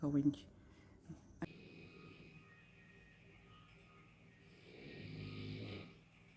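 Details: Nonstop snoring from a neighbor in a hotel room: a muffled, low rumbling snore coming through the wall over steady room hum.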